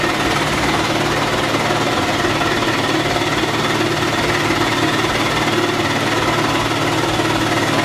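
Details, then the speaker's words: Person with cystic fibrosis using a Hillrom Monarch chest wall oscillation vest with air and shaking intensity turned up high: loud continuous rapid mechanical rattling and air pumping, used to loosen lung mucus. "So the vest will begin to increase with more air. And then on this side, this button increases how much shaking it's doing."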